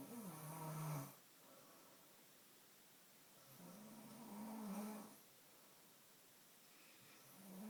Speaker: Yeah, stop snoring.